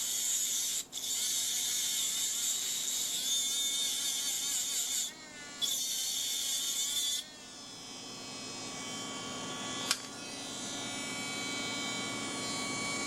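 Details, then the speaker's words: Dental lab: high-pitched steady whine of a rotary handpiece, pitch dropping and rising as an aluminum oxide separating disc cuts the sprues off sandblasted cast metal crown copings. "the next thing that I'm going to do is I'm going to start cutting off the screws and I will use separating disc aluminum oxide"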